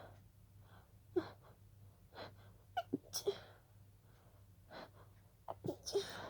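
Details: Several breathy, stifled sneezes in quick succession with sharp inhalations between; a sneezing fit that started as a pollen allergy.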